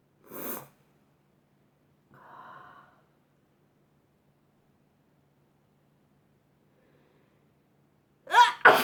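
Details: Sneezing: a few short, sharp bursts with quiet gaps, the last one loud and forceful.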